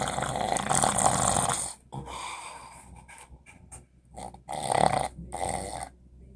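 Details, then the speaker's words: Man who claims he doesn't snore, snoring at night beside his partner, louder than the TV: snoring. "this is louder than the TV"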